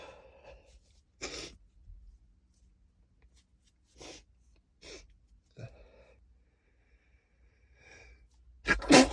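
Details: Several short, muffled sneezes held back in a quiet room, then a louder, fuller sneeze at the end; stifled sneezes too strong to suppress fully.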